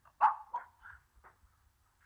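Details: Bark-like vocal tic from an adult man with Tourette syndrome since about age 10, who makes noises as tics.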